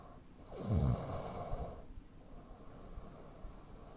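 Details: 43-year-old man, 85 kg, 165 cm, real-life snoring with sleep apnea: a single loud, rattling snore on inhaling, then a couple of seconds of near silence, a breathing pause.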